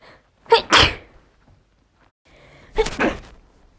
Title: More natural sneezes (f)